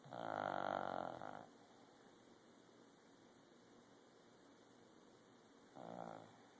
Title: Sunny the dog snoring